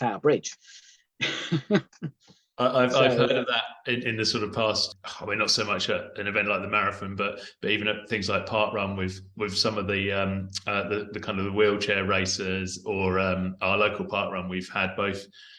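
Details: Adult man speaking; none.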